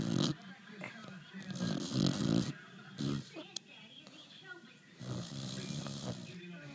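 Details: A sleeping dog adopted from the pound snoring: irregular rough, rattling snores in bursts a few seconds apart, with soft snorts between.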